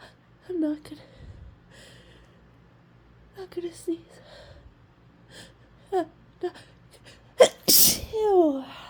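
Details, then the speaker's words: Person with a nasal tickle trying to hold back a sneeze, saying "I'm not going to sneeze": soft catching breaths and murmured speech, then one forceful sneeze and a moaning exhale. "sneeze not oh I'm getting really stuffy now no no not see not not going to God this tickles really intensely I'm not going to sneeze I'm not going to sneeze don't sneeze"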